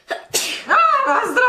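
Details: A single sneeze from a girl during a typical morning, tagged allergies and sinuses: a quick breath in, then a sharp voiced sneeze trailing into a high vocal tail.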